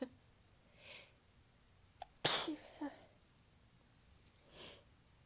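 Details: Soft, tickly morning sneeze with talking: soft breathy intakes then one sharp sneeze with a trailing voice, in a quiet room.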